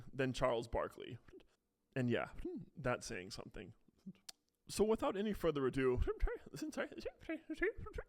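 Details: Adult male with Tourette syndrome whose symptoms mainly show when speaking, plus a stated stutter; vocal tics with repeated words under his breath; vocal tics with stutter-like disfluency (Tourette syndrome).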